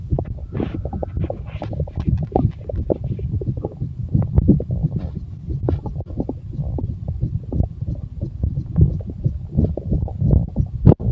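Continuous low rumbling and gurgling, mixed with rubbing and handling noise, consistent with stomach growling.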